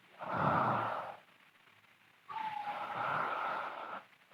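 Two loud, rough breaths with a throaty, whistling rattle, one in and one out, typical loud snoring during sleep.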